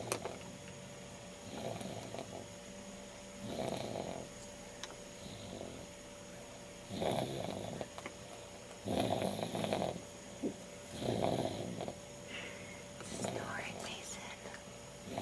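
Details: A six-month-old baby snoring: repeated soft, rough breathing noises about every two seconds, roughly 30 a minute, with quiet room hum.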